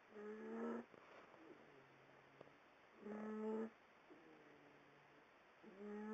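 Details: Pet ("Tom") sleeping in the owner's bed: rhythmic, squeaky, whistling snores with fainter tones between, about 21 breaths a minute, likened to a crying baby pterodactyl; snoring.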